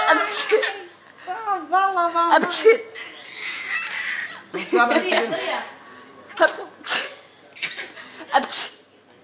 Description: Baby sneezing after adult